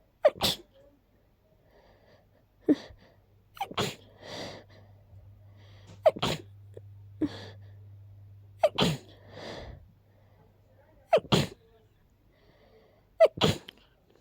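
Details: A person who is sick with a very stuffy nose: six sharp sneezes, each with a quick indrawn breath before the burst, sounding congested; repeated sneezing.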